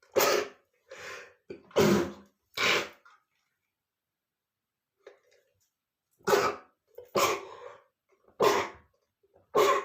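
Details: Adult man's sneezing fit, said to be triggered by dust: about seven sharp explosive sneezes with quick in-breaths, in two bursts separated by a quiet pause.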